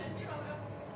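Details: Foreign accent syndrome in a woman, a condition acquired from brain damage such as traumatic brain injury or stroke; vowels in a word are swapped and stress shifts toward the first syllable; finding: foreign accent syndrome.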